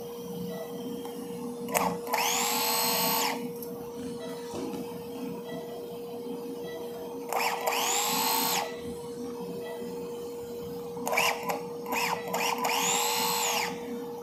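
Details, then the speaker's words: Small dog with cranial cruciate ligament rupture undergoing TPLO: three short high whining power-driver bursts over room hum as all bone plate screws are backed out to reposition the plate, temporary fixation pin replaced. "So I'm just replacing my temporary fixation pin. We're going to take all of our screws out."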